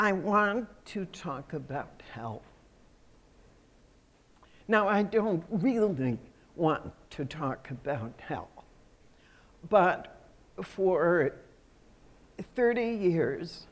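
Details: Adult woman who states she has spasmodic dysphonia, a voice condition she says comes and goes. Real speech showing spasmodic dysphonia.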